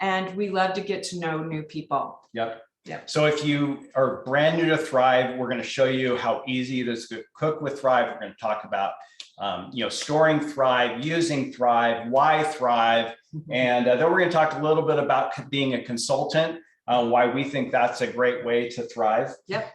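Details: Adult man speaking; normal voice.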